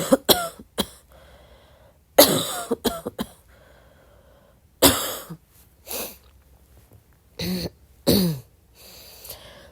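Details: About a dozen short, soft coughs at midnight in irregular clusters with quiet gaps; repeated light coughing.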